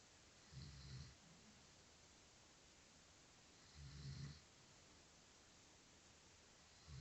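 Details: Two deep, rumbling low-pitched snores on breathing in, a few seconds apart, from a sleeping adult man (a dad), with quiet room noise between; ordinary snoring.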